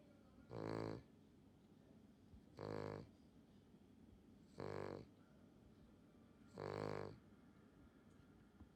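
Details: Four loud, rough, buzzing snores about every two seconds, near 30 a minute, from a dog in a quiet room; snoring.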